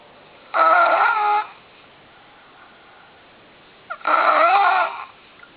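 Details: Man snoring in the morning: two long, loud, buzzing, tonal sounds on the in-breath, separated by a quiet pause.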